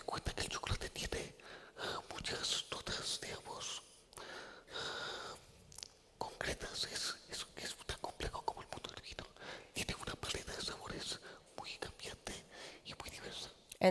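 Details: Adult male with the neurological disease dystonia, which in his case affects control of neck movements and which he gives as the reason he speaks as he does. Whispered speech (aphonia) due to dystonia.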